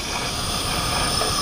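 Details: Oxygen-driven nebulizer with mouthpiece, oxygen flowing at 8 L/min while the patient takes deep breaths: loud, continuous, steady hiss of gas flow producing aerosol.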